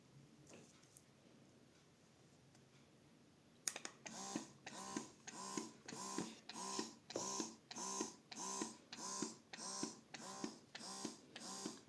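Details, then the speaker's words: Swan baby S3 Pro electric breast pump with suction and alternating massage-suction modes and nine intensity levels: quiet room, then motor starts steady rhythmic whirring suction cycle at about 98 pulses a minute; electric breast pump running. "Це режим смоктування. Це режим черговості масажу і смоктування."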